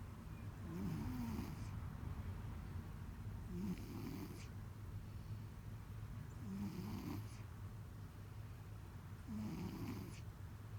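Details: Male cat recorded at close range making strange loud nose sounds: rhythmic low snoring-snorting noises through the nose, about four breaths in ten seconds; nasal stertor.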